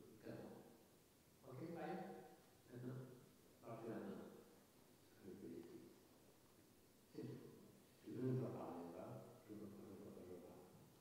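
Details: Older clinical recording of a male patient with a very spectacular case of fluent Wernicke's aphasia, with anosognosia, massive phonemic paraphasias and noun substitutions; an examiner's voice is briefly heard. Finding: Wernicke's aphasia (jargon aphasia).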